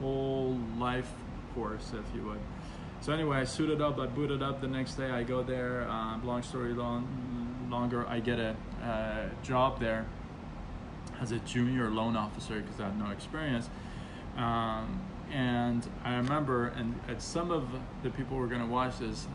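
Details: Stuttering in an adult man who has stuttered since about age six and still stutters, though less after speech therapy.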